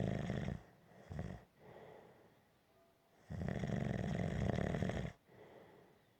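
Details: Gentle snoring: low, fluttering snores on the in-breath with softer out-breaths between, about two breathing cycles heard.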